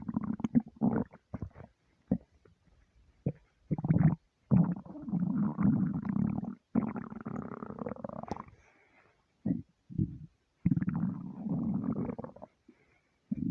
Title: empty stomach rumbles 300 sub special!